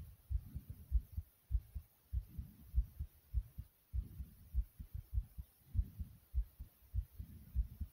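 Strong, regular low heart thumps at about 100 beats a minute, with soft breathing sounds underneath.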